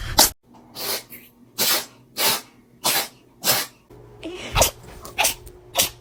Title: Cat sneezes